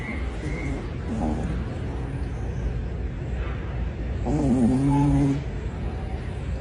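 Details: A sleeping Yorkshire terrier breathes noisily, with squeaky whistling tones on some breaths over a steady low background rumble: snoring.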